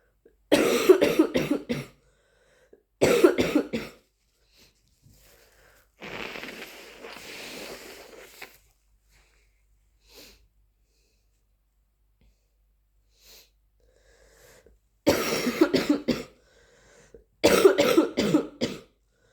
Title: Flu coughing fits and nose blowing